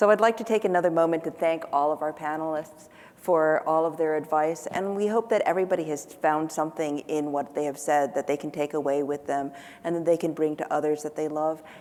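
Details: Adult woman speaking; typical speech.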